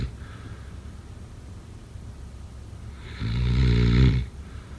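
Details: Single loud, rattling snore on breathing in after a quiet stretch of soft breathing during sleep.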